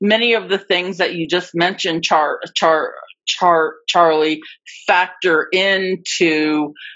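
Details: Adult woman with stuttering, a covert stutterer for more than 30-35 years; speech shows repetitions of words and parts of words; stuttering.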